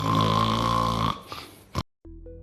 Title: تعاني من الشخير كل ليلة؟ الحل صار أسهل مما تتوقع. جهاز Intake مع مشبك الأنف